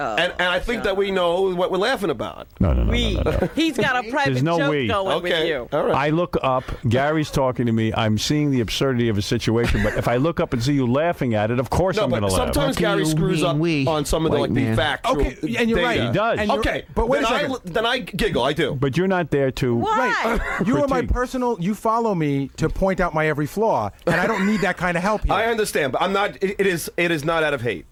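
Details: Adult men in conversation, radio studio; typical speech.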